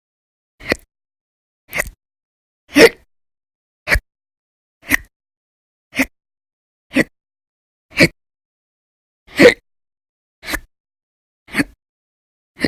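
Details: Persistent violent, very loud hiccups in episodes lasting about 10–13 hours a day through December 2019, audio only: twelve sharp, abrupt gulping sounds at a steady one per second in a quiet room.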